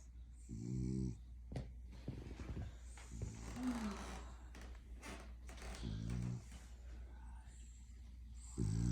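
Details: A sleeping French Bulldog puppy snoring: short snorting, rattling breaths about 22 times a minute over a steady low background hum.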